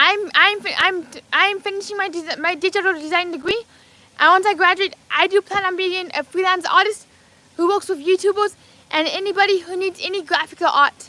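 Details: Adult man with lifelong apraxia of speech, originally diagnosed as childhood apraxia of speech at age four: apraxia of speech.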